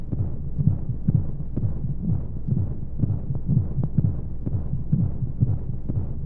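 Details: Baby sleep aid womb sound: steady muffled low heartbeat thumps at roughly 120–125 per minute over a constant whooshing white-noise background, as heard inside the womb.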